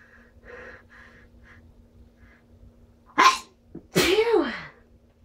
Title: strong sneezes with buildups